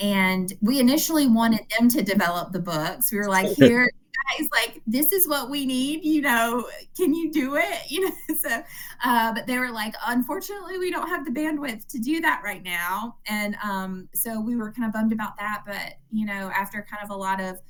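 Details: Adult woman; Normal speech.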